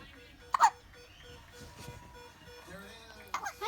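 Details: Pet dog that often has hiccups: two sharp, brief hiccup jerks about three seconds apart, with soft music behind.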